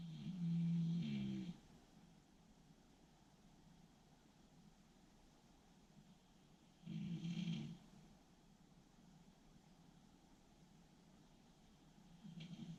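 Low rumbling snores on breaths in, about every six seconds, with quiet pauses between; ordinary snoring.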